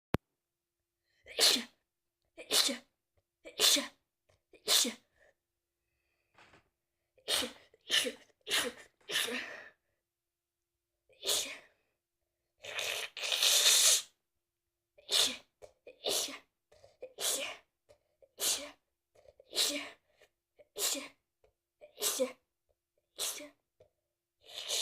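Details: Adult with a cold: repeated sneezes in quick bursts, with a longer nose-blow in between.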